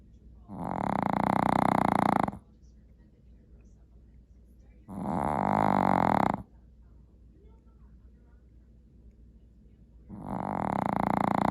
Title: Snoring Teddy